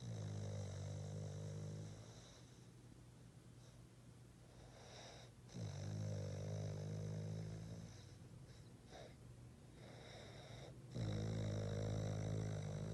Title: Boston terrier snoring